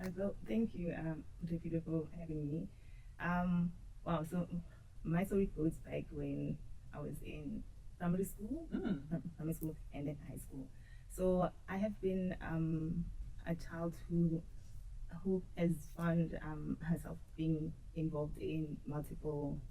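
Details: Woman who states she stutters and has struggled with it since her school years; stuttering.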